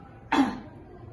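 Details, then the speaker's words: Nurse teaching a female patient effective cough to clear sputum: after deep breaths and a 3-second hold, a single strong, deliberate cough burst, demonstrating effective cough technique. "engajari Ibu caranya batuk efektif Apakah ibu bersedia baiklah di sini bertujuan untuk mengeluarkan spultum atau D"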